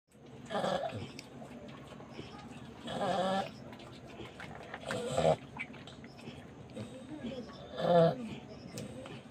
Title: Baby piglet Snoring.🤣🤣🤣